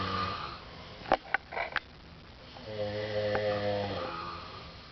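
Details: Two men asleep in a living room take turns snoring, each with a different snore and breathing pattern: sharp snorts, then a long, buzzing, tonal snore. Extremely loud snoring duet.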